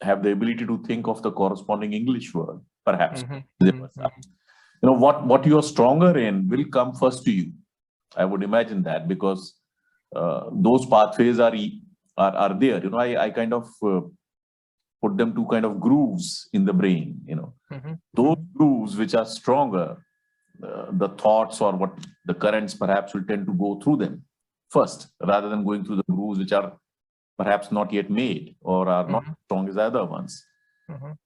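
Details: Adult male speaker; Normal speech.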